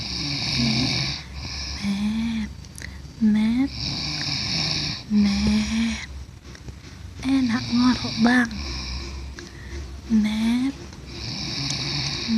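Loud, rough snores with a low rattling tone, about 12 per minute, with some background talk and room noise. Ordinary snoring during sleep.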